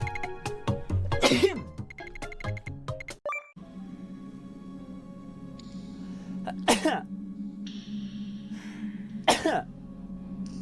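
Several short coughs and throat-clearing bursts over a steady hum and background music.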